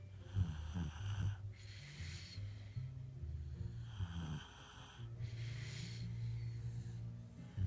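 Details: Two sleeping companions snoring together: steady low rumbling snores with breathy hissing rising and falling over slow breath cycles.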